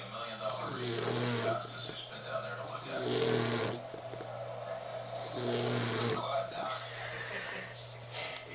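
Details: Rough, snuffly snores at about 25 breaths a minute over a steady background hum, from a sleeping puppy: dog snoring.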